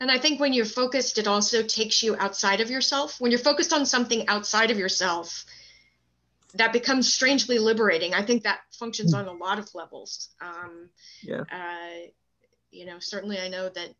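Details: Adult speaker; ordinary speech.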